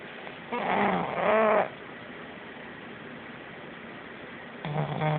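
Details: Pug snoring: two rough, snorting breaths through the nose and throat, then a third starting at the end.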